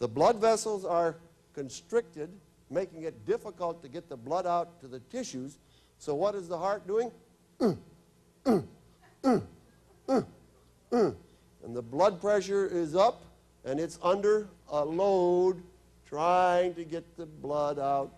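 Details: Adult male presenter; typical speech.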